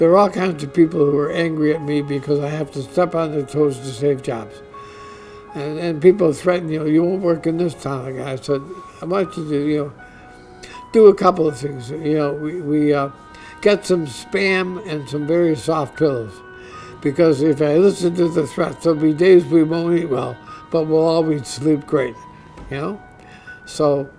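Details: Adult man diagnosed with ALS (Lou Gehrig's disease), which he says is affecting his voice; he expects only a few more months of being able to work; dysarthria (ALS).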